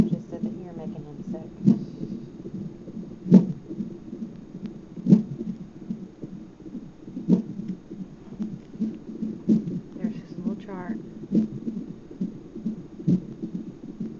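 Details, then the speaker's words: Hiccups recorded in hospital: soft, steady jerks at about 34 a minute over low rumbling room noise, described as speeding up. "has the hiccups. Boop. Did it scare him? I think they're speeding up."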